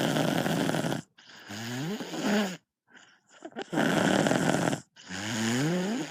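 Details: Sleeping child snoring at night: loud, rough, vibrating breaths in and out with brief pauses between them; heavy snoring.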